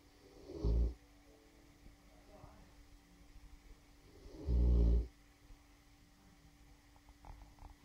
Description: ~4 year old male bullmastiff snoring. Not one of his best snores, sometimes sounds like a drunken sailor with cheeks flapping on exhale.